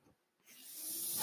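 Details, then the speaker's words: Mechanical ventilator breath cycle: the speaker's own ventilator, audible behind his podcast speech, a steady rhythmic airflow from the machine breathing for him. "hello everyone my name is that noise you're hearing is my ventilator and thank you for tuning in"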